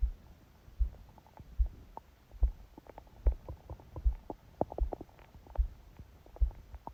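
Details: Low gurgling rumbles with soft thumps while asleep, phone held on the belly by a book; heart sounds came through unexpectedly loud and fast; ordinary stomach growling (borborygmi) during sleep.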